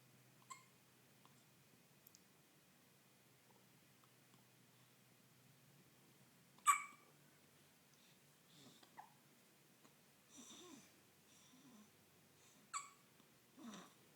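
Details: A baby girl with hiccups: a few brief, sharp hiccup jerks and small squeaks at irregular intervals in a quiet room.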